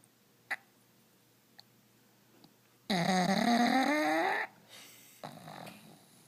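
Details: A sleeping pug gives one loud, rattling, tonal snore on an in-breath, followed by softer snuffling breaths in a quiet room, while also twitching in its sleep.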